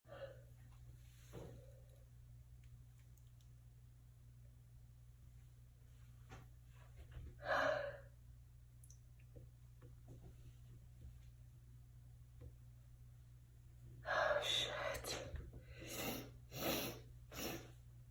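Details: Sneezing in a bathroom: several sharp, forceful bursts of air over a steady hum in a small echoing room; repeated sneezes.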